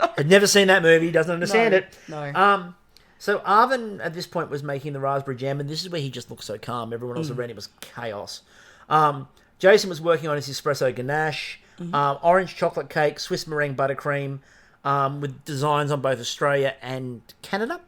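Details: Adult male speaker; ordinary speech.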